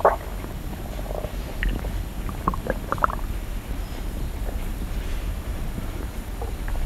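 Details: Stomach sound ASMR: steady low rumbling with scattered brief gurgles, squelches, sloshes and small crackles, ordinary stomach growling (bowel sounds, borborygmi).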